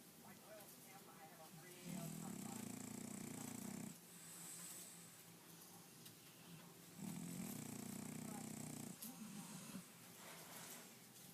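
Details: Sleeping French bulldog: loud, rough, rattling snores on two breaths in about eleven seconds, each about two seconds, with quieter noisy breathing between; snoring.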